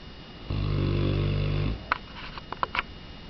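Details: Three-year-old Mastiff dog snoring: one loud, deep, rattling snore lasting about a second, then soft sniffs and snuffles.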